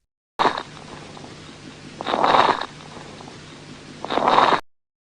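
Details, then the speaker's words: Three harsh, scratchy rubbing bursts about two seconds apart: a pericardial friction rub, signalling inflammation of the pericardium. "atau suara gesekan biasanya menandakan adanya peradangan pada perikardium selaput pembungkus jantung"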